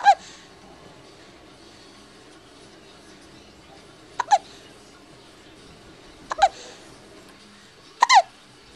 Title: hiccups at 3 weeks, feb 2010